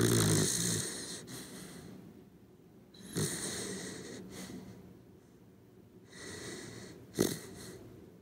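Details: Sleeping corgi dog snoring: a loud rattling snore at the start, then softer irregular snorting and wheezy breaths.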